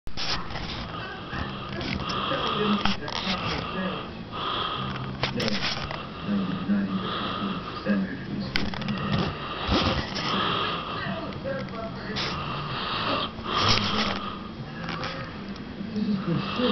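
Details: Man asleep and snoring after watching a UFC fight: repeated rough, low snoring breaths with room noise.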